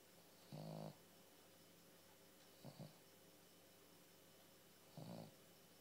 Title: Monty sleeping and snoring with eyes open